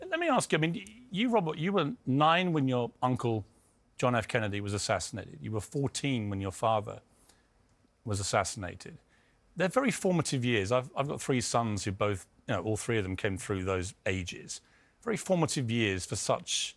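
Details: Adult male speaker; normal speech.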